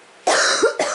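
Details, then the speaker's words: Adult getting over the flu: two sharp, harsh cough bursts in quick succession; cough. "my next couple videos after this one you can hear the camera girl coughing we're getting over we're getting over the flu Bob"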